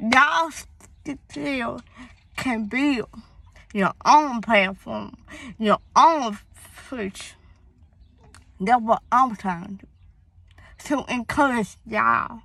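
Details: Young woman, born premature, with a speech impediment that began around third grade along with hearing loss (deafness), cause not found by doctors, treated with speech therapy at school; speech impediment.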